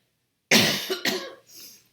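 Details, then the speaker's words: Two quick, harsh coughs from an adult woman, an ordinary dry-sounding cough that she attributes to her asthma. "will hear me cough it's just my asthma no big deal"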